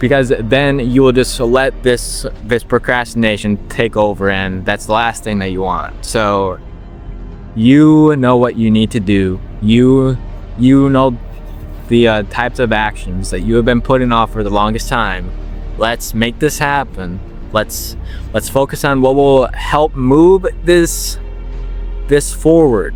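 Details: 21-year-old man with a stutter since he could talk, working to overcome it by slowing down; word repetitions audible; stuttering.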